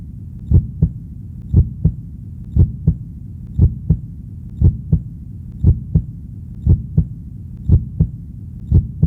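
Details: Steady, regular normal heartbeat at about 58 beats a minute, each beat a clear lub-dub pair.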